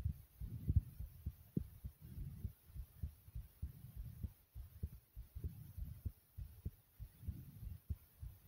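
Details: Heartbeat recorded with loud stomach growls: quick, regular low thumps of a fast heartbeat mixed with rumbling, gurgling stomach sounds.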